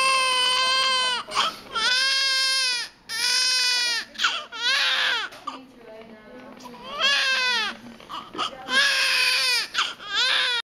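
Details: Loud, high-pitched, rhythmic crying in bursts from a 7 lb newborn girl in the delivery room, pausing briefly then resuming; strong vigorous newborn cry, faint background music.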